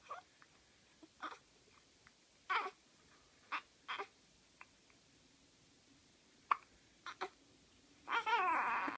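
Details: Twin baby with hiccups: soft, brief, irregular catches, about ten in nine seconds, then a longer fussy sound at the end; infant hiccups.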